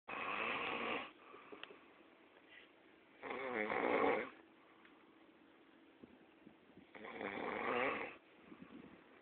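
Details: Three loud, rattling snores about three seconds apart with quiet breathing between; a sleeping person snoring.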